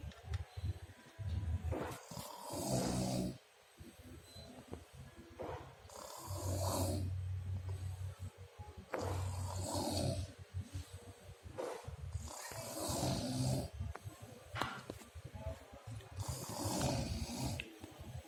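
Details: Person asleep, filmed half-body: rough, low rattling snores recur about every three to four seconds with noisy breaths between, over some room noise; snoring.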